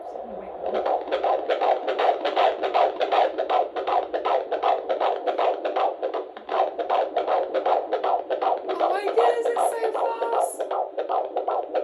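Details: Rapid, regular whooshing fetal heartbeat, about 158 beats a minute, on Doppler at a 19-week midwife appointment in an IVF pregnancy; fetal heartbeat.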